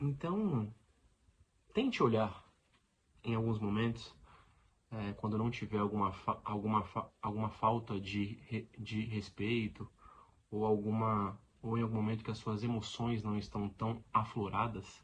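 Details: Adult man who lives with stuttering every day, in spontaneous speech; stuttering.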